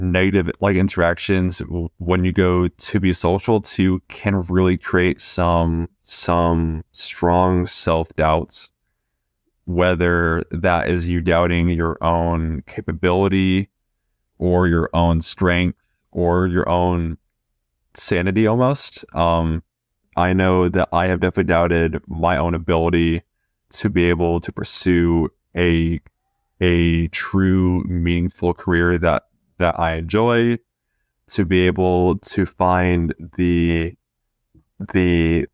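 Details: Stuttering in a 20-year-old man who has stuttered since about age two; repetitions are audible in this stretch.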